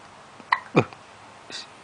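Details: Baby with hiccups: a few abrupt, sharp hiccup sounds, one with a short voiced squeak, over quiet room noise.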